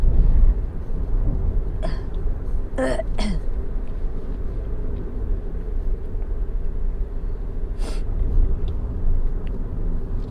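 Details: A few short coughs, throat clearing and phlegm spitting over steady road rumble from an adult woman having an asthma attack while driving.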